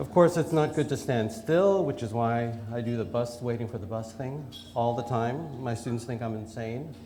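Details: Adult speaker; typical voice.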